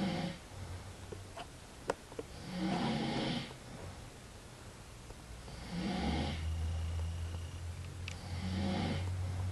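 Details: Man snoring, though he says he isn't asleep: low, rattling snores on each breath in, about three in ten seconds, with quieter breathing between.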